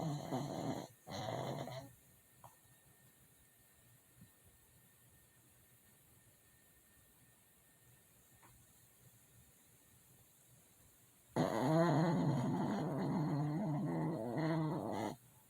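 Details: Loud rattling snores with long quiet pauses between breaths from a sleeping dog, loud enough to wake the owner; dog snoring.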